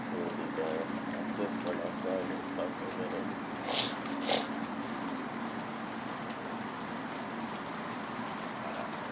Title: Outside Sneeze